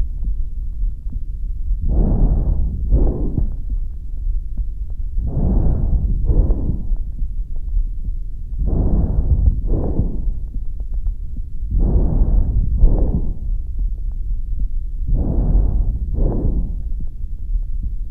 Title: Breath Sounds